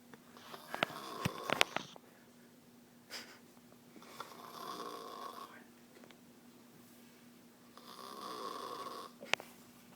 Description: I told my friends I didn't snore then they recorded me and proved me wrong ha lame:p